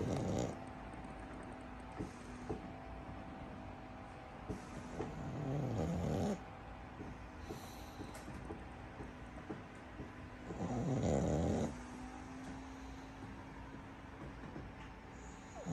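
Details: A sleeping pug hugging a pug doll, snoring with rough, rattling snores on each breath, about 11 a minute, with faint room noise.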